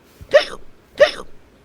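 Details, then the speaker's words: Simulated hiccups voiced for a cartoon character after eating too much candy: two sharp, abrupt voiced hiccup sounds about two-thirds of a second apart. "yeah I think you have hiccups yeah you definitely have hiccups dude"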